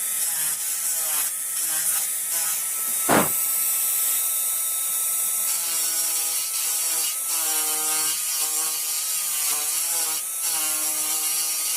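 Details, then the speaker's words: Dental high-speed handpiece on a typodont mandibular first molar (#36), full veneer crown preparation, cutting the functional cusp bevel at about 45 degrees: high-pitched whine with grinding bursts. "So we have completed our functional cusp bevel. It's just a slight bevel."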